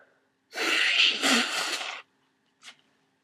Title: Congested flu sneezes